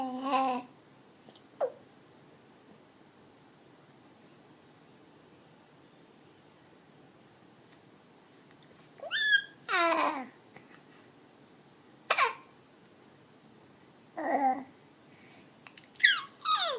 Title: 4 mthsBaby Hiccup & talking